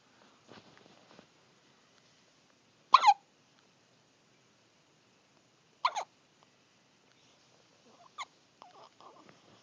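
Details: Hiccups.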